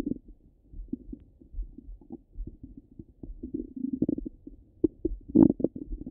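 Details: Ordinary active bowel sounds over the stomach: continuous, steady low gurgling and bubbling rumbles with frequent soft pops.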